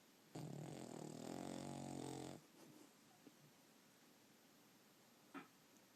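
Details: A sleeping Puggle dog gives one long, rattling, human-like snore, then breathes quietly in a small room.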